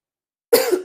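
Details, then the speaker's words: Adult woman with a bad cough keeping her awake late at night: a single short, harsh cough burst after a moment of silence. "I had cough fam. I've not been able to sleep."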